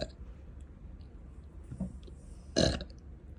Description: Just loops of me dangling a slipper, faceless burping then bestowing a gift from me to all you gassy bubbles lovers😂🩵😘.